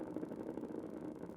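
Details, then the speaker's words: Needle EMG of the extensor digitorum brevis as the patient brings the toes back with increasing force: a dense, continuous crackling rumble of many overlapping motor units filling the screen; good, full recruitment pattern. "good recruitment there go a little bit more a little more a little more and relax good so i'm looking for the the moto units getting more of them looking at their firing pattern and looking at to see if they fill the screen and they all did and that was good"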